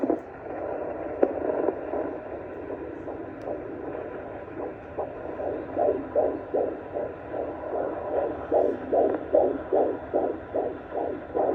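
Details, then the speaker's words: Fetal heartbeat on Doppler at a 7-month prenatal visit, first pregnancy: fast regular whooshing pulses over hiss, about 150 beats a minute, strengthening midway, with a little movement; normal fetal heart rate. "Running about 150 today. Not 70. There we go. Little movement right there. So you see my baby's heartbeat is good."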